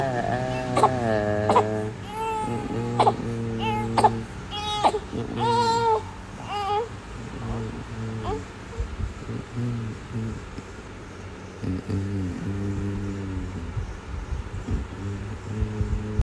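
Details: An infant cries before sleeping, in repeated wailing bursts that gradually settle into softer fussing, with a little background noise; infant crying.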